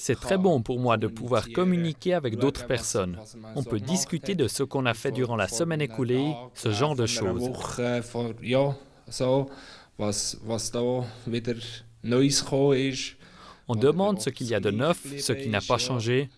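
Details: Male patient who had a stroke about three years ago after a blow to the head while playing unihockey; he reports no longer speaking correctly and attends group speech therapy; aphasia.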